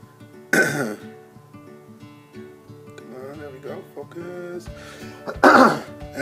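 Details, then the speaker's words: Coughing from a person who says they are still sick, recorded while opening trading card packs. "you can hear, I'm still sick, so sorry for the coughing, but here we go."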